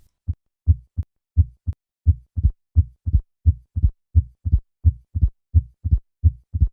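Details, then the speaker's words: Simulated mitral stenosis at heart rate 85: crisp normal heart sounds, then an added opening snap after the second sound and a low diastolic rumbling murmur, here easily mistaken for a systolic murmur. "I will begin with normal heart sounds and then add the opening snap and then the"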